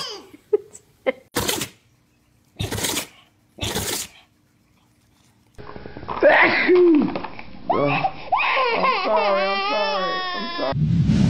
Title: Sneezing snaps 😂